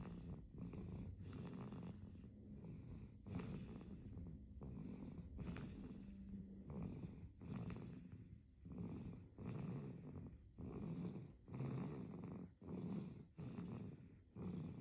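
Quick, soft, rattly snores repeat with each breath during sleep, with a faint steady hum in the background: infant snoring.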